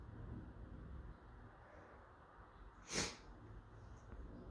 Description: I might be coming down with something.